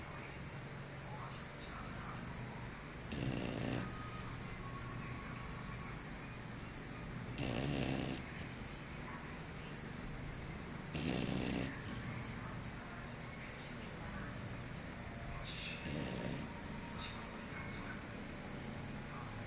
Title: after makan snore like pig